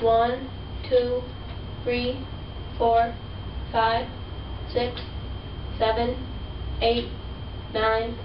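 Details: 7-year 10-month-old girl referred by her teacher for articulation concerns, counting aloud during sentence-level testing on the Goldman Fristoe Test of Articulation 2; articulation disorder (speech sound disorder).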